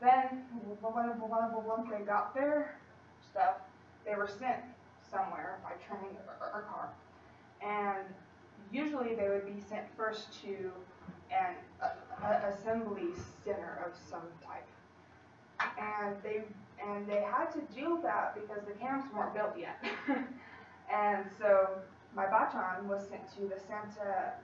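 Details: Female college student who stutters, in speech-language therapy with a fluency technique, giving a practice presentation to 10-15 people at her clinic; she stutters more before unfamiliar people or large audiences; stuttering.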